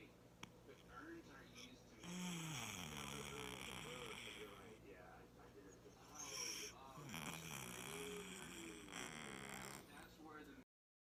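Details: A sleeping cat snores with loud, rumbling, wheezy breaths, about twelve a minute. Finding: snoring.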